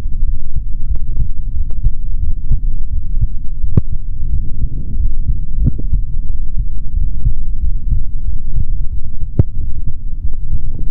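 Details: Adult male heartbeat heard through a stethoscope on the body, recorded for ASMR without talking: muffled low thumps partly covered by rumbling and rubbing noise.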